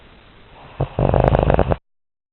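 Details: Animal (Toby) sleeping with eyes open and paws twitching: a short, low, fluttering snore with a rough rattling quality, cut off abruptly; snoring.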